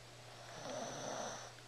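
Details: 13-year-old Shih Tzu asleep with his head on a computer keyboard gives one soft, buzzy snore with a faint high whistle ("tweeting"), over a steady electrical hum.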